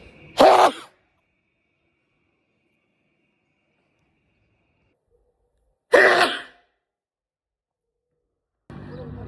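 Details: Two sharp, explosive sneezes about five seconds apart, separated by silence; ordinary sneezing.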